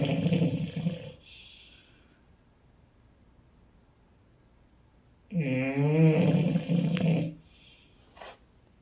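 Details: Female snoring.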